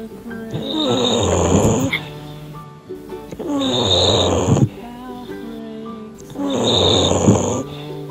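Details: British Bulldog puppy napping, regular rumbling snores about 22 a minute with music playing over them; ordinary snoring while sleeping.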